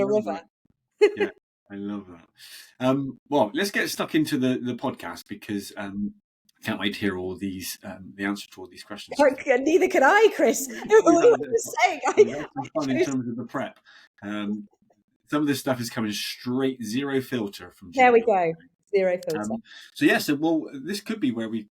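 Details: Adult speakers in conversation, recorded indoors; normal conversational speech.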